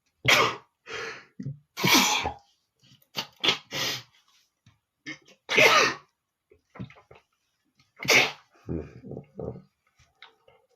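A run of forceful sneezes, about four loud ones, with sniffs and short breaths between them: repeated sneezing during a flu-like illness.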